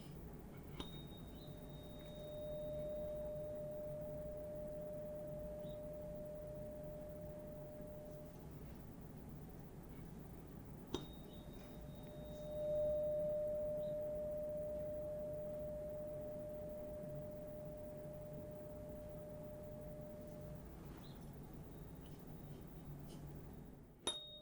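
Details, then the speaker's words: Simulated tuning-fork hearing test in a role-played full-body medical exam, with a 256 Hz fork among others; high, low and mid tones all heard clearly without strain. A steady mid-high pure tone slowly fades. "going there we go good so everything came in clearly right good it wasn't a strain to hear any of those wonderful so High sounds low sounds midtone all good"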